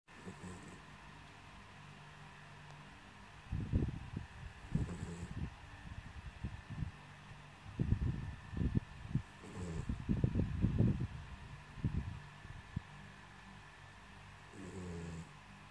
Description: For some reason the older this silly girl gets the louder her snores are.